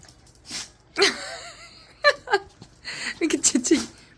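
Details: A dog rummaging in the owner's bag, apparently after a treat inside, gives a run of short, sharp sneezes and snorts in quick succession over light room noise.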